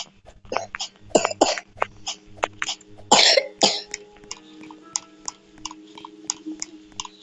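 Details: Person apologizing for coughing: repeated short, dry cough bursts, about a dozen in seven seconds, one louder, with throat clearing and a steady background hum.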